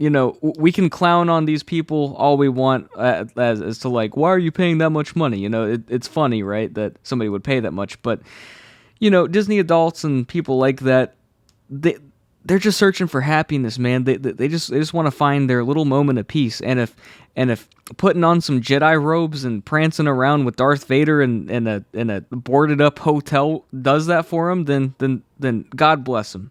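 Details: Adult male who has stuttered all his life since childhood, saw a specialist as a child, and says anxiety worsens it; stutters are left unedited in this recording; stuttering.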